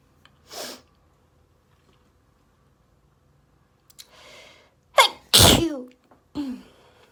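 Several forceful sneezes in quick succession, each with a sharp burst and a voiced ending, separated by short gasping breaths. A repeated sneezing fit.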